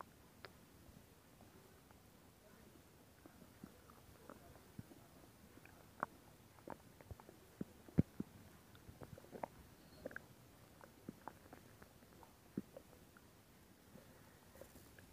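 Frequent small clicks, pops and soft gurgles on a quiet background: ordinary stomach growling, normal bowel sounds.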